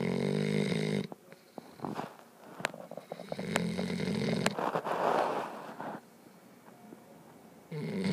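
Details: Sleeping puppy snoring: loud, rough, rattling snores with quieter breathing and soft room noise between bursts.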